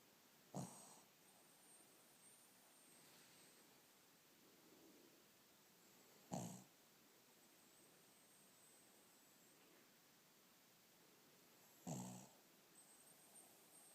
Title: My dog snoring!!!